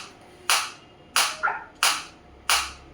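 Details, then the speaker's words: Focused (not radial) ESWT shockwave device applied to the operator's own hand: four sharp, loud snapping clicks about two-thirds of a second apart as the device fires pulses. "now I will increase the frequency 120 in the multiple of 30 it will increase you can feel the difference you can feel the difference in the sound also"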